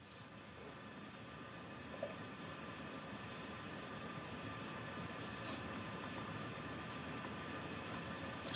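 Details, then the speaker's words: Only steady room noise with no breath sounds during a home sleep recording of an adult man; breathing stops for about 20–30 seconds, a sleep apnoea breathing pause. "You completely stop breathing now. Do you see that?"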